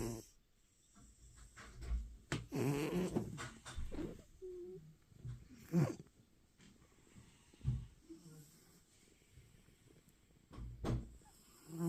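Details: Sleeping cat after a long day at the vet getting stitches: soft, low rumbling snores recurring every few seconds with quiet breathing between; snoring.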